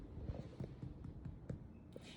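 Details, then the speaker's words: Finger percussion over the liver in an abdominal exam gives a series of soft, short, low thuds with a flat dull note: normal hepatic dullness, unlike the tympany expected over the flank and iliac fossa. "Aquí, por ejemplo, donde encontramos el hígado, deberíamos de escuchar matidez."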